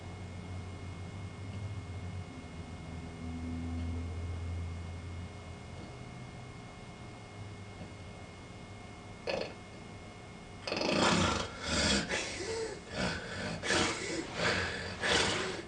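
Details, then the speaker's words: Sleep-study recording of an overweight man lying on his back, pillow elevated, thick neck: near-silence, then loud, harsh, wheezing, struggling breaths: obstructive sleep apnea with labored breathing. "this is not snoring this is wheezing any second now his brain says i'm not breathing and just i don't if you see my cursor but in a few minutes his stomach starts rocking and rocking back and forth trying to create an airway"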